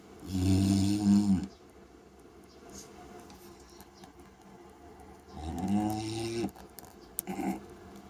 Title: Shiwa the snoring Bulldog